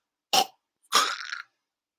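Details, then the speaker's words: Adult imitating a dog's kennel cough: a short harsh cough, then a longer honking, gagging burst. "so listen for if your dog starts coughing this distinct gagging noise they'll go so it'll start like that but then they'll be fine"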